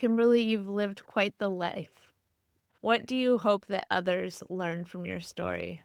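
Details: Adult female interviewer; typical speech.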